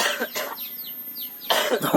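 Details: Cough during physical work, in a humorous clip.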